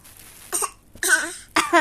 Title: bayi batuk batuk